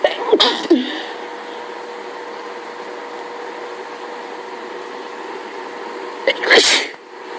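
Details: Two sharp sneezes several seconds apart over a steady room hum, during a full allergy fit from hay fever with sneezing every few seconds; repeated sneezing.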